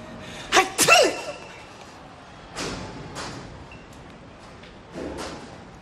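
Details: Acted, fake sneeze on Monday Night Raw: an imitation sneeze burst early on, then fainter breathy sounds in a quiet room.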